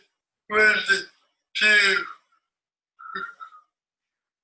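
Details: Man who had a stroke at age 30, about two years post stroke, with rigid, tight speech musculature, reading the Rainbow Passage; spastic dysarthria.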